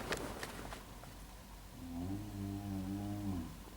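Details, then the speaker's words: Adult man sleeping in a shared room, recorded at 6:43 am: a loud, low, droning tonal snore on one long breath after some clicking noise; ordinary snoring. "Don't know if you can hear that, but this motherfucker's snoring. So now I can't sleep."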